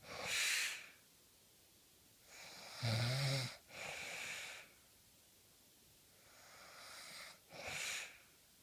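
Rough snoring on inhalation with noisy, whistling exhalations in a slow breathing rhythm; ordinary snoring.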